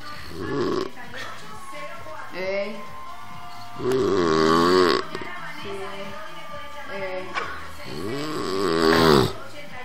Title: Dad snoring really loud